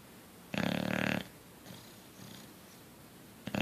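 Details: Bulldog asleep: one loud, rough, rattling snore, then quieter breath noises and the start of another snore; snoring in a sleeping flat-faced dog.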